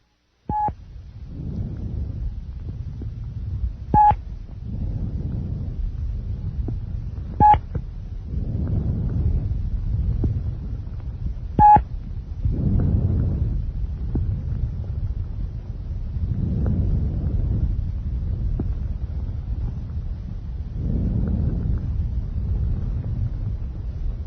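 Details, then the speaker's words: Soft, low-pitched rustling breaths at about 14 a minute over the peripheral lung, from a lung-sound teaching recording: normal vesicular breath sounds. "okay that's a vesicular breath song"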